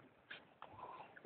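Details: Home recording of a person with hiccups, with laughter and chatter nearby.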